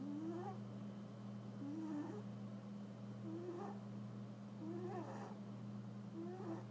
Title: Cat snoring